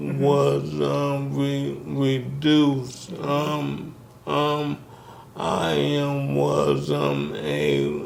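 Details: Dysarthria in a man with ALS diagnosed in 2020; symptoms began in 2017, with the disease first affecting his speech, starting with a raspy voice.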